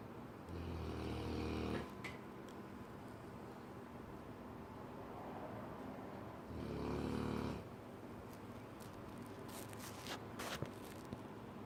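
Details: Loud snoring from a sleeping Cane Corso dog: two long, low, rumbling snores about five seconds apart over steady room noise.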